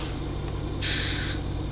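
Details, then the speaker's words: Home medical oxygen concentrator (used for COPD), which turns room air into about 93–95% oxygen, running normally: a steady low motor hum with a brief hiss of air as the machine "breathes" air in. "as you can hear the machine actually breathes essentially it's taking the air in to clean it"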